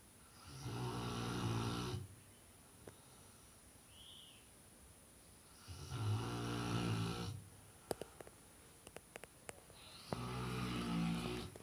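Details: A Fila Brasileiro dog snoring heavily during sleep: loud, low, rumbling snores on each breath, about 13 a minute, with quiet pauses between.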